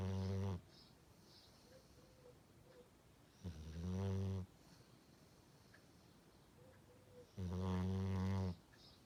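Loud, low, rattling snores about every four seconds, roughly 15 a minute, with quiet breathing in between: regular snoring.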